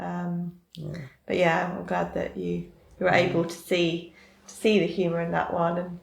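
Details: Adult speaking; stuttering.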